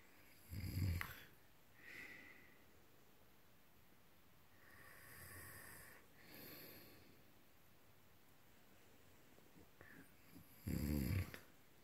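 Deep, rumbling snores on the breath in, alternating with quieter airy breaths out; loud snoring during sleep.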